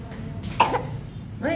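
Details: Sick child coughing again and being taken for medical treatment.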